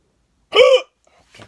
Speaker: I think I ate too fast. Uh, well, that didn't work. Got the weirdest hiccups ever.